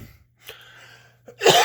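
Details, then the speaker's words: A self-described smoker with a bad cold or flu coughs: a single loud, harsh cough burst over a steady low room hum. "sorry for the coffin guys as I said still done with this horrible cold / flue / yep I'm a smoker"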